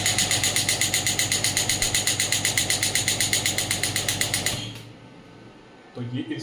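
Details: Biotronix pneumatic radial extracorporeal shockwave therapy device firing after the applicator is removed from the operator's hand, rapid regular rattling pulses about 4 per second, then stopping to quiet room noise; shockwave device firing.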